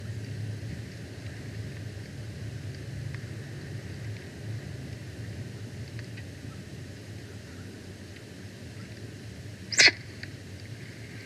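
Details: Eagle named Jackie, filmed outdoors on Jan 2, 2025: a single short, sharp sneeze (snite), a brief nasal expulsion against steady wind and hum.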